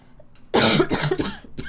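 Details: Girl coughing: a quiet inhale, then a short run of three loud, harsh coughs in a small room; she says mornings are worst and the cough worsens when lying down.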